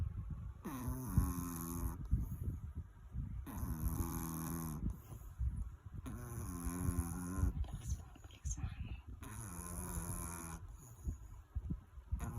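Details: A sleeping Chihuahua snoring loudly: four long, low, rattling snores about one every three seconds, with quieter gaps between them.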